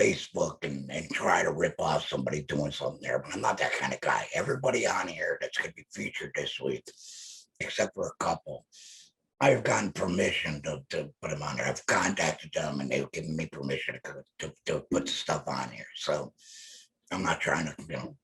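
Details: Adult male laryngectomee speaking with an electrolarynx held to his neck, his only form of communication; electrolarynx speech after laryngectomy.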